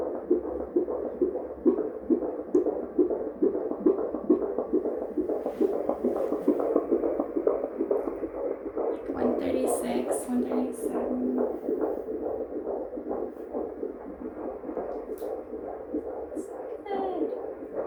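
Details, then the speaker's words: Fetal heartbeat on Doppler at 27 weeks of pregnancy, prenatal birth-center visit, baby measuring 26.9 weeks, average size: rapid, regular whooshing at about 136 beats a minute, a normal fetal rate. "did you hear her say anything or just the heart beating just the heart"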